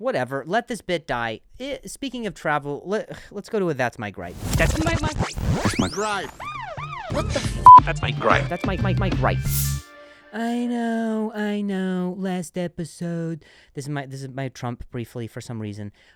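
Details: Adult male comedian who stutters and switches words after stuttering on one; repeated words heard; finding: stuttering.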